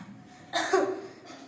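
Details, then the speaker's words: A class-four child gives a single short, deliberate cough, forced out in one quick burst, as a demonstration in a school science presentation: voluntary cough. "Coughing करते हुए मुझे ये महसूस हुआ कि के मेरे मुंह से कार्बन डाइऑक्साइड तेजी से बाहर निकल आया। हवा का फेफड़ों से तेज से बाहर निकलना कफिंग कहलाता है।"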